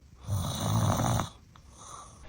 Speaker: Does your partner complain about your snoring every night?